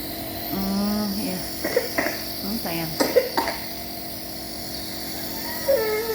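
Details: Baby with a cold and cough during steam inhalation to loosen phlegm: infant fusses and gives several short coughs over a steady mechanical hum; cough.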